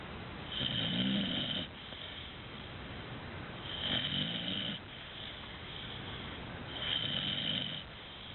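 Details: Sleeping Dogue de Bordeaux puppy with rhythmic, rattling snoring breaths at about 20 breaths a minute in a quiet room; snoring.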